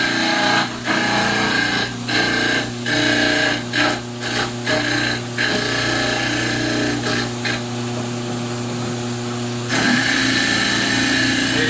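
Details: Loud steady motor hum with grinding as a dental model trimmer trims excess from a remount cast for complete dentures.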